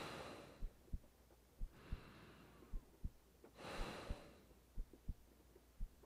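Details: An ASMR girlfriend roleplay recorded cuddling in bed at night: a normal heartbeat heard as faint, soft, paired thumps at roughly 100 a minute under slow breathing and steady rain.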